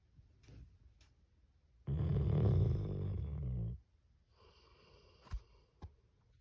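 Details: Sleeping dog snoring, two days after being brought inside the house: a low, rumbling, rattling inhaled snore lasting about two seconds, quiet breathing around it.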